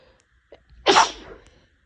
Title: Girl sneezing 16